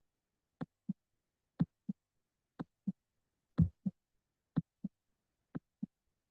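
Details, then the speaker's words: A cardiac auscultation lesson demonstrates normal heart sounds: regular paired lub-dub (S1 and S2) at about 60 beats a minute, with no extra sounds or murmur. "And the way that it sounds is literally loved dub. Lubdub. Lubdub."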